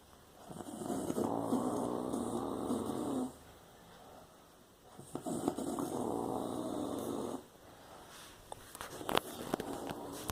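Two long, rough, buzzing snores, each about two to three seconds, with quiet pauses and some rustling: snoring.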